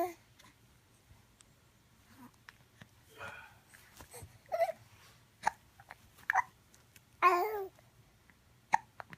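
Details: Hiccups in a 2.5-month-old baby in the morning: several brief, sharp voiced catches with soft babbling between them, in a quiet room.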